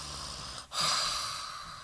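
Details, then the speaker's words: Adult woman who says she does not snore imitates her noisy open-mouth sleep breathing: one long, harsh, throaty, hissing breath. "a really horrible throaty breathe, like ugly breathing when I sleep. Like I'm an ugly sleeper."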